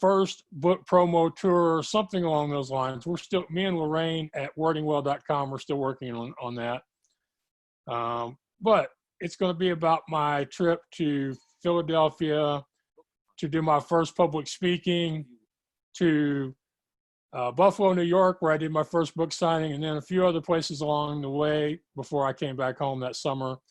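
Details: Adult man speaking; ordinary speech.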